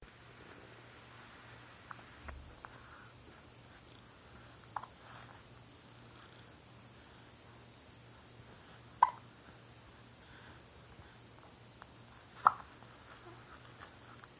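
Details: 13-week-old infant cooing with a few brief, sharp hiccups over a low background hum; infant hiccups.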